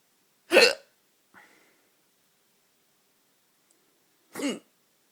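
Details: Hiccups at night: two sharp hiccups about four seconds apart, each a sudden voiced gulp, faint breath between, in a quiet room.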